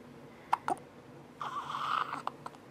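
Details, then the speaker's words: Hiccups in a 4-week-old infant boy, alert about an hour after his 6:30am feeding, looking around and waving his arms: several brief, sharp hiccups with a soft coo between them in a quiet room. "he's just looking around and hiccuping and waving his arms"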